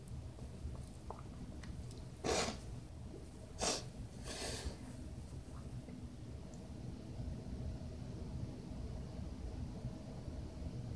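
Two or three short, muffled bursts over a steady low room hum, fitting sneezes stifled into a towel.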